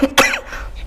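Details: A single sharp, forced cough burst from an adult comedian, performed for comic effect.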